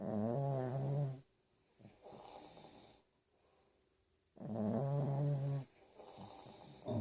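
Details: Pekingese dog snoring, reportedly louder than a snoring husband.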